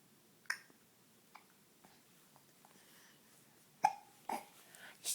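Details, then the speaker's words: Hiccups: several soft, abrupt hiccup sounds at irregular intervals in a quiet room. "has the hiccups. Do you have the hiccups?"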